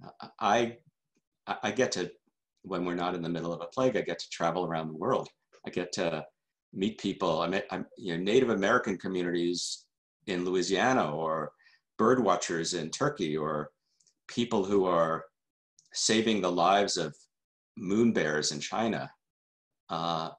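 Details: Adult male journalist who stutters, speaking in a keynote talk: stuttering.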